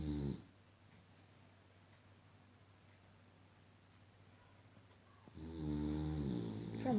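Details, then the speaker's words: Sleeping Boxer dog snoring loudly: rough snoring breaths at the start and end, with a quiet stretch between; ordinary dog snoring. "loud snoring and sleeping."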